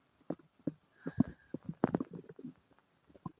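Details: Irregular gurgles, pops and rumbling squeaks over a few seconds in a person with diarrhea and flatulence; active bowel sounds, borborygmi.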